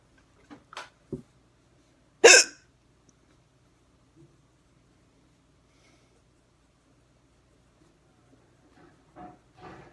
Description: Hard hiccups, camera focused on the neck as requested :)